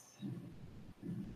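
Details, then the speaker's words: A loud, harsh, low sustained rushing murmur filling each heartbeat, the typical ventricular septal defect murmur, in a lesson on childhood heart murmurs. "Então, esses sons que a gente coloca de C e V, né? Esse raspento, todo mundo entende como sopro."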